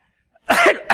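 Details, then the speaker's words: Adult man recovering from flu, no longer contagious, gives one sharp cough with a second starting as it ends, after a moment of silence: cough. "sorry about that i'll mute next time i got a cough"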